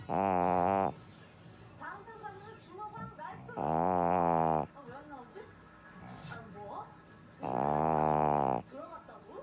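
Three loud, drawn-out rumbling snores about four seconds apart, roughly 16 a minute, over quiet television talk: snoring during sleep.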